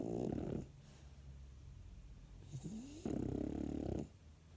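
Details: French bulldog snoring whenever it sleeps: loud, rattling snores from a small flat-faced dog, two long snoring breaths with a quieter whistling breath between.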